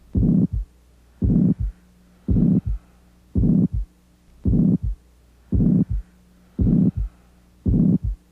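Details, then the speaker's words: Systolic murmur heard in heart failure at the fourth intercostal space, left sternal border, and apex, possibly from AV valve regurgitation due to enlarged ventricles; regular heartbeat near 56 a minute with a prolonged, rushing first sound. "As you auscultate, also listen for a systolic murmur at the fourth intercostal space in the left sternal border and at the apex of the heart."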